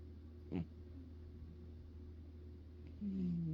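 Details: Cat snoring close to the ear while sleeping: steady low rumbling with a brief click and a short high squeaky tone near the end.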